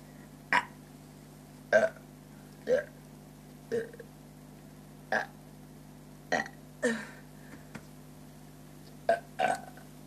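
A run of about ten short, throaty belches at irregular intervals over ten seconds, with a steady low hum behind them; repeated burping.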